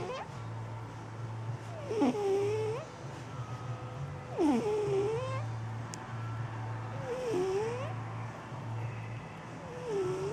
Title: My cat snoring... life's tough!